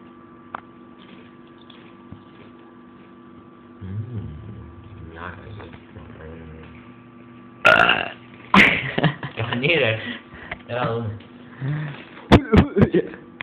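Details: A long, low, gurgling belch followed by a series of more loud burps: voluntary belching.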